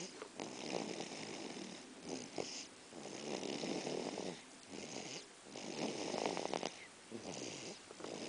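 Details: Snoring during sleep: rough, rattling breaths in uneven cycles, about 23 a minute, with a purr-like vibration.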